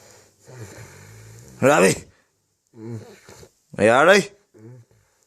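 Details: Very drunk man snoring: loud rattling snores roughly every two seconds with quieter groaning breaths between, as others try to rouse him.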